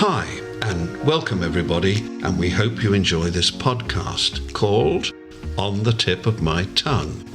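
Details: Adult man; plain speech.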